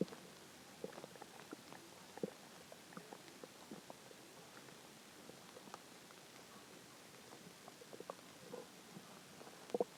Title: more hungry stomach growls